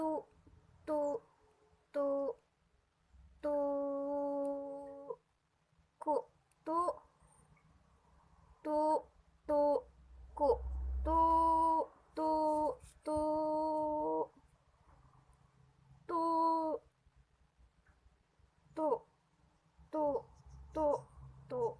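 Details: Acted demonstration of transcortical motor aphasia, in Indonesian, attributed to disrupted Broca–Wernicke connection, often after stroke.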